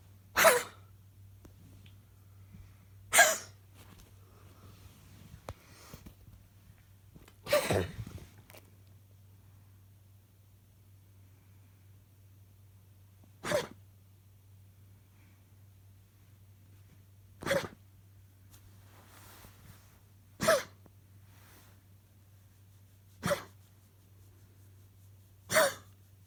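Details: A dog gives eight short, sharp cough bursts at irregular intervals over about 26 seconds, over a steady hum: a possibly mild coughing fit.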